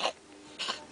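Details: A cat gives two brief, harsh, breathy coughing bursts under a second apart, with quiet between them, fitting a dry cough.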